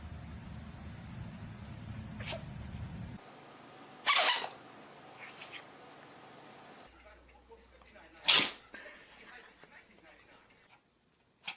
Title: funniest-🐈cats and 🐕dogs sneezing 😂- Don't try to hold back Laughter funny animal's Life